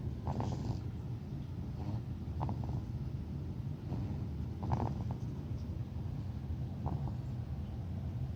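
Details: A cat snoring: steady low rumbling with brief snorty sounds about every two seconds, roughly 27 breaths a minute.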